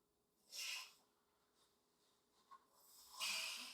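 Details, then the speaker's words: A dog sneezes twice, sharp hissy nasal bursts about three seconds apart, as its owner asks if he is okay: repeated sneezing. "sorry my dog is sneezing as you can hear him you good man you good"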